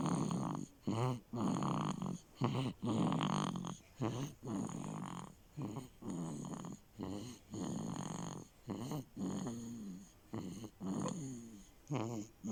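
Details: A sleeping boy snoring, said to take after his dad: repeated rattling, snorting breaths about 38 a minute with short pauses between; snoring.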